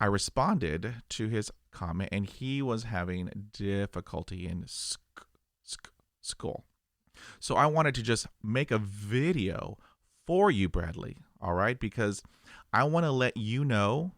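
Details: Adult who stutters, real stuttering.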